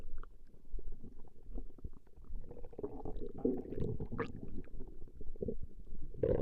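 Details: Recording of a woman's stomach growling: low, irregular gurgling and rumbling from the belly, rising and falling over several seconds; ordinary borborygmi.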